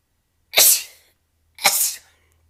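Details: Compilation of a woman's rapid sneezes: two sharp, forceful sneezes about a second apart, each a short explosive burst of air; ordinary sneezing.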